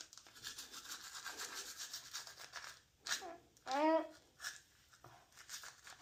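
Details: Rapid scrubbing of a manual toothbrush on a child's teeth during a dentist parent's morning at-home brushing routine with his sons, filmed via smart glasses, then a brief child's vocal sound; ordinary manual toothbrushing.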